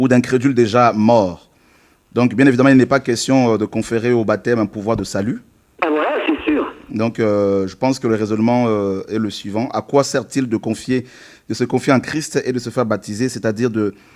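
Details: Adult male speaker; normal voice.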